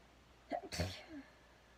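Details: A quick catch of breath then one sharp, voiced sneeze in a quiet room while braiding hair; an ordinary single sneeze.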